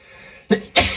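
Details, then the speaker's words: Acted adult sneeze in a hiding role-play scenario, the sneezer allergic to lavender and unable to keep stifling: quiet lead-in, short catch of breath, then one loud, unstifled sneeze. "You know stifling makes me sneeze more. I can't keep stifling this."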